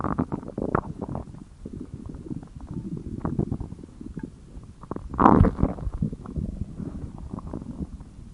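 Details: Low, irregular abdominal gurgling and rumbling with one louder surge, attributed by the person to hunger: stomach growling, borborygmi.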